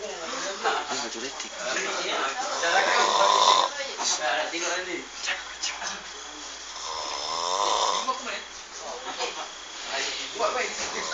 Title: Loudest snore ever!!!